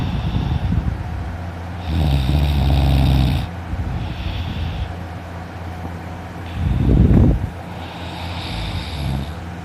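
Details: Adult sleeping in, snoring loudly enough to leave a sore throat afterward: loud, rough snoring on in-breaths, about four breaths in ten seconds, over steady background noise.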